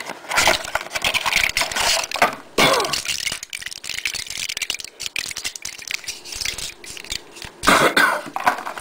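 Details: Three harsh, forceful coughs with rattling, noisy sounds between them; a bad cough.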